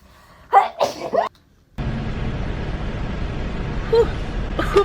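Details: Woman having a COVID-19 nasal swab test, with the swab inserted and twisted in the nostril: quick breathy catches build into a sharp reflex sneeze, followed by loud rustling handling noise; eyes watering.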